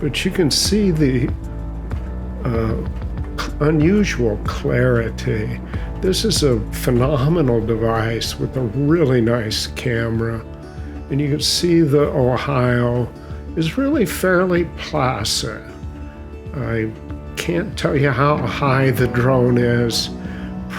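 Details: Adult male with mild essential tremor that also makes his hands unsteady; essential voice tremor.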